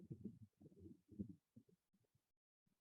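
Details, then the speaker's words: Low heart sounds with the second heart sound slurred into a soft trailing murmur and no silence after it: an early diastolic murmur of aortic regurgitation, played as a teaching example. "that slurring of the second heart sound that is your early diastolic murmur associated with the ultra registration"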